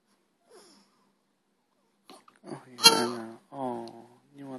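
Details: Short, sudden voiced gulping catches between quiet pauses from a newborn baby only hours after birth, his first case of hiccups; repeated hiccups.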